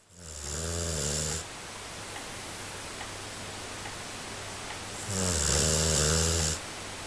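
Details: Two loud, rattling snores from a 5-month-old Golden Retriever puppy in deep sleep, separated by a quiet pause with steady low room hum.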